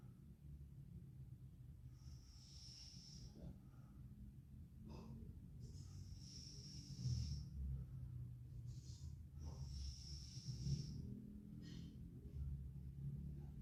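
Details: Girl snoring in sleep: slow noisy breaths with hissing, snorting sounds, about three cycles, over a low steady room hum.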